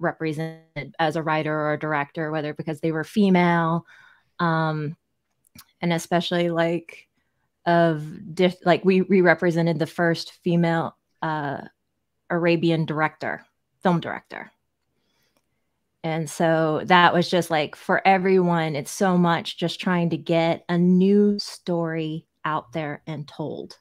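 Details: Adult speaker; conversational speech.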